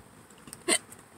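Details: Adult hiccupping in a parked car while hungry, before eating: one sharp, brief gulping hiccup against quiet car interior noise.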